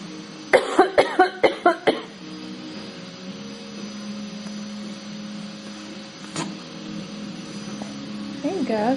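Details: Child deliberately fakes a cough with a quick run of about six short, forced coughs: an imitated cough, not a real one.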